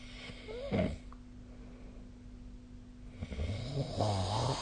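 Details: Low, rough snoring on the in-breaths during sleep, a short snort then a longer rattling snore over faint room hum.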